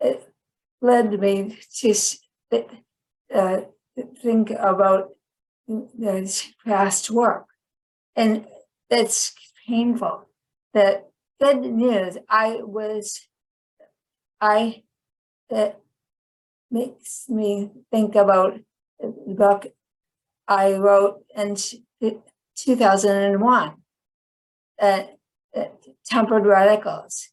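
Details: Woman with chronic aphasia after a stroke; finding: aphasia.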